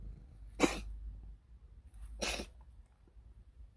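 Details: Two short, harsh, hacking cough bursts from a cat about 1.5 seconds apart in a quiet room; cat recently eating a lot with a strange new cough, owner suspects worms or eating mice.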